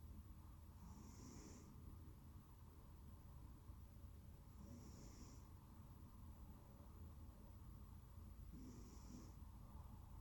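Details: Soft, rhythmic snoring roughly every four seconds over steady background noise from Smokey, a sleeping cat; snoring.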